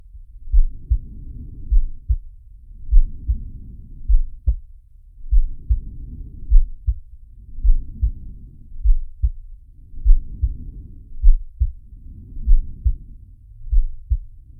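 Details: Animated cartoon shark character's heartbeat and breathing sound effect: low, regular thuds about 50 a minute under slow whooshing breaths; heartbeat.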